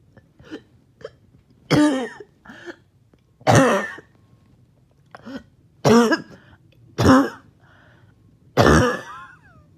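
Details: Harsh strained coughs with throat clearing and gasping breaths between, about five strong coughs in ten seconds, with trouble breathing after a 20-minute workout or morning walk; choking cough.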